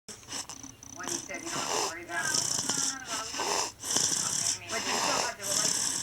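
Noisy sleeping breaths with a high whistling, wheezy edge and snoring rattle, in a repeating pattern. Wheezy snoring.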